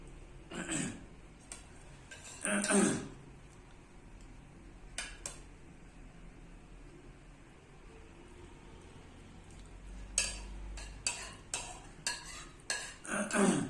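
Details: Adult man with Tourette syndrome: repeated short, forceful throat-clearing sounds in bursts; vocal tic (throat clearing).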